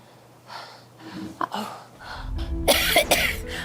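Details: Groaning breaths, then a burst of harsh, repeated coughs: persistent cough, pain and breathlessness in a 68-year-old woman after lung cancer surgery that removed part of her lung.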